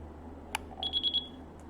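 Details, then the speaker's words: ZOLL mechanical ventilator powering up during a training demonstration: a single chirp then a quick run of four high beeps as the alarm lights sound at start-up. "si se enciende la alarma en la parte superior con luces que van desde el verde anaranjado hasta rojo las rojas son las armas de más importancia que requieren atención inmediata"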